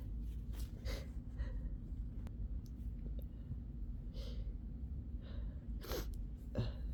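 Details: Sleepy person's sneezes: a run of several short, soft sneezes with quick breaths between, over a steady low room rumble, followed by a nose blow at the end.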